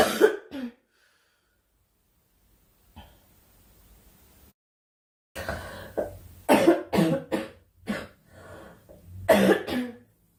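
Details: Young woman during a live stream: several short harsh coughs and throat clears in bursts, with quiet gaps and faint room noise.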